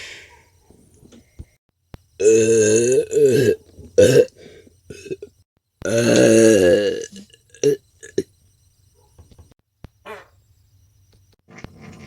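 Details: Gassy belching performed for a role-play of a student trying to release gas in class: two long, loud, voiced belches with shorter grunting sounds and brief moans between them in a quiet room; burping.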